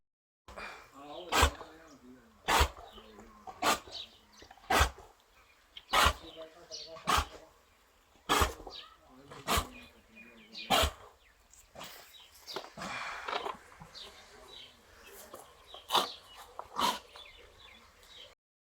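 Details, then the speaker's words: Cow or buffalo with drenching (aspiration) pneumonia after liquid was drenched into the lungs, causing swollen lungs. Loud, strained grunting breaths and cough-like bursts about once a second; severe laboured breathing. "आपने जानवर की जो है वो तकलीफ आपने देख ली है कि उसकी आवाज़ कितनी मुश्किल हो रही है, उसको सांस लेने में कितनी दिक्कत हो रही है।"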